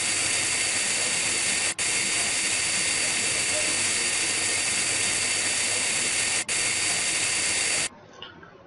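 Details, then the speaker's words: Loud continuous high-pitched hissing whine with two brief dips: high-speed dental drill, bur upright and perpendicular to the occlusal plane, cutting a Class I amalgam cavity outline in a lower first molar. "no tilting is done during this phase of cutting the bur should be upright or perpendicular cl to the accusal"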